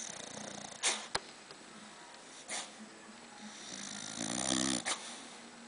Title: My Loud Snoring Dog